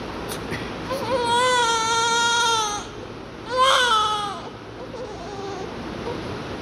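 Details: A baby girl just after birth, during an oxygen process, gives two loud, high-pitched wailing cries with a pause between; strong, normal newborn cry.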